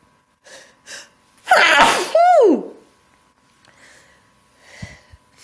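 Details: Two quick sharp inhalations, then a single loud explosive sneeze into a handkerchief ending in a falling voiced tail, followed by soft breathing and a sniff; sneeze.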